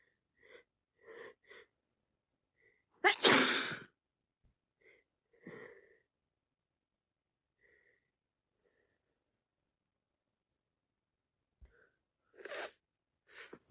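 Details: Wet head cold: sniffles and short nasal breaths around one loud, forceful sneeze, then more sniffing and a second sneeze.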